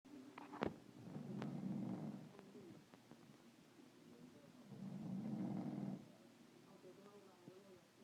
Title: This snoring most definitely could wake the dead!